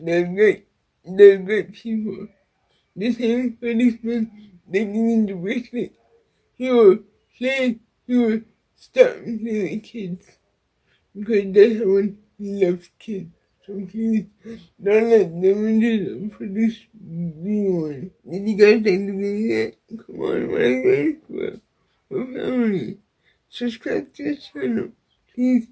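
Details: Dysarthria in an adult woman with cerebral palsy.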